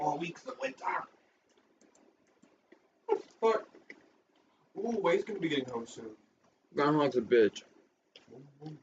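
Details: Adult speaker; Tourette syndrome (vocal tics).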